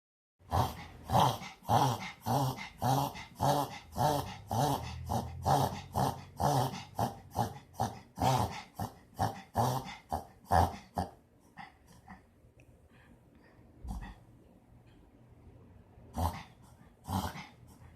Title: My doggo sneezing backwards